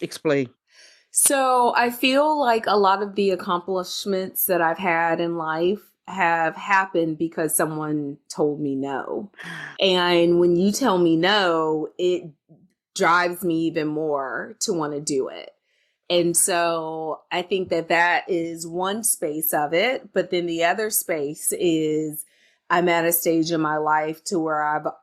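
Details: Adult woman speaking; normal speech.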